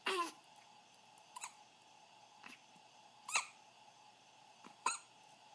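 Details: Hiccups at 2:30 AM: five brief, squeaky catches about every one to one and a half seconds in a quiet room; hiccups.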